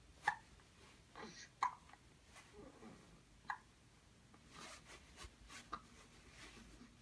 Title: 1 month 19 days - cute hiccups while we are watching an elephant